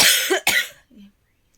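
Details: Two harsh, forceful coughs in quick succession, then a brief voiced sound, from a person whose cough has not healed despite medication; wheezy for several days, exhausted, in cold winter weather.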